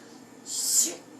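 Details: One short hissing sneeze rising and fading over half a second, with faint room noise; described as a child faking a sneeze.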